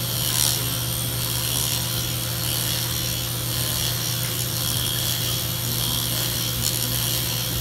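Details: Steady mechanical rattling and suction hiss of a MicroAire power-assisted liposuction cannula during pubic-area liposuction on an awake, lightly sedated woman under local numbing, after her tummy was already done.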